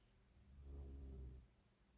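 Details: Dog snoring: one soft, low, rumbling snore on a breath, with faint room hiss.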